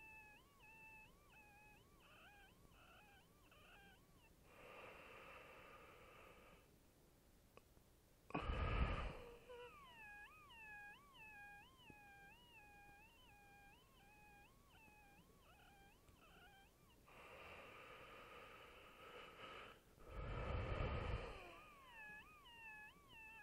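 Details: An obese adult with high blood pressure and a history of SVT has a weird thin, warbling wheeze that pulses with the heartbeat. It happens only when lying flat on the back.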